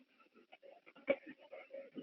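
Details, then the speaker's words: Simulated acute asthma on a high-fidelity manikin, chest auscultated with a stethoscope in a PLAB 2 exam scenario: very clear musical, whistling wheeze audible even without the stethoscope, from narrowed airways. "There will be a stethoscope and you will be able to hear a very clear wheeze. Actually, when you enter into the cubicle, you can hear the wheeze."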